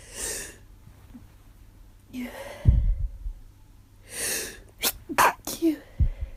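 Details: Repeated, tired, desperate sneezing in a person with a sore throat and headache who first thought it was allergies and now suspects something more: sharp intake of breath before each sneeze, then quick sniffs and short breaths.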